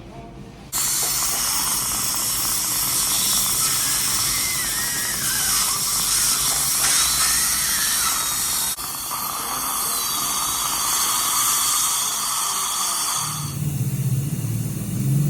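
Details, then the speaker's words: Dental drill repairing an adult patient's teeth without anesthesia, in India; high-pitched whine running nearly continuously, with a brief pause and low suction noise near the end. "just remove it all right next round guys this is the drill right yeah no anesthesia remember that yeah that hurts like hell"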